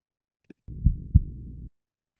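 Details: Faint, low-pitched heartbeat: one lub-dub pair of soft thumps over a steady low hum, after a brief click. Normal heart sounds.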